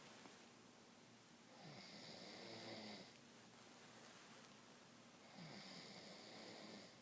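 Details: Adult woman snoring very loudly while asleep, filmed without her knowing: two long, rough, buzzing breaths about three seconds apart over quiet room noise; steady snoring.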